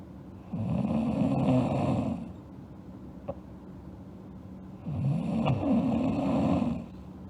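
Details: Girl asleep, snoring: two long, rough, rattling snores on inhalation with quiet pauses between, about 8 breaths a minute.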